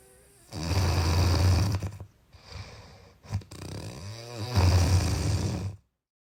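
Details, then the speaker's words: Two very loud, deep, rumbling snores with a quieter breath between them, heavily boosted in the bass for a woofer speaker: heavy snoring. "I saw this video today captured this escaping from the tiny body of a sleeping hummingbird I pitched but unmistakable snore let me show you something better"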